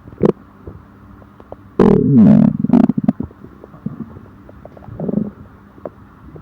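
Low gurgling and rumbling bursts come and go, typical of stomach growling from gas and fluid moving through the gut.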